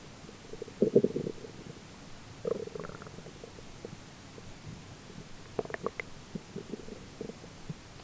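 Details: Self-recorded belly grumbling during digestion, roommate talking faintly in the background: soft gurgles and low bubbling rumbles over a hissy background; bowel sounds (borborygmi).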